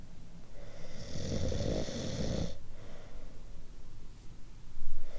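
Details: A single long, rattling, rumbling snore on an in-breath lasting about two seconds, then quiet breathing.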